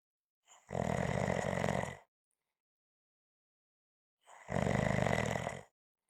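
Two long, loud, rattling snores about four seconds apart, with silence between them: ordinary snoring.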